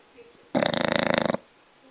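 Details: Sleeping dog; a single loud, rapidly fluttering snort-like snore lasting under a second; snoring.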